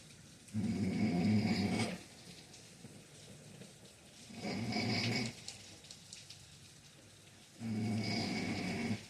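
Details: Loud, rough inspiratory snores, about 17 breaths a minute with quiet exhalations, from a sleeping father: typical sleep snoring.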